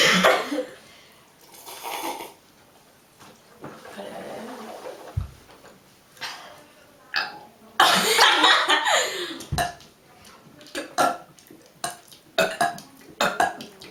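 Loud, drawn-out burps from more than one person, mixed with laughter and clicking noises.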